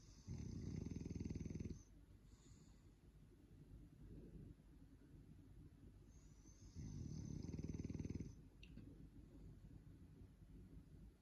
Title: Snoring time⏱️